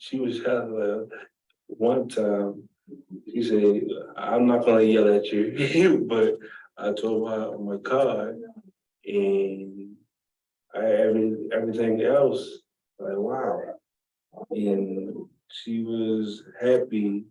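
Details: Man with aphasia affecting talking, understanding conversation, reading and writing.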